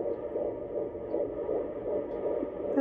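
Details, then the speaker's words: Pregnant woman with gestational diabetes at an OB visit: rapid, rhythmic whooshing pulses over a steady Doppler hiss in the 150s per minute; normal fetal heartbeat. "That's baby. Oh, that's it? Did you hear it? Oh, yeah, I hear it. 150s, it sounds perfect."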